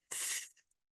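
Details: Speech-language pathologist demonstrating the most common lisp type, the tongue protruding between the teeth on s so it sounds like th (acted demonstration); finding: interdental lisp.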